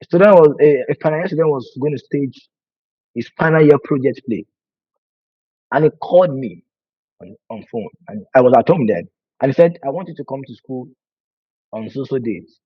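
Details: Adult man who has stammered for over 20 years, worse with nervousness and fear, with a family history (brother and sister also stammer); stuttering.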